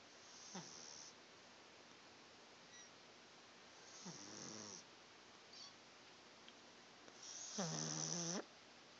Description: Our Pug Dexter, sleeping, snoring and twitching / dreaming.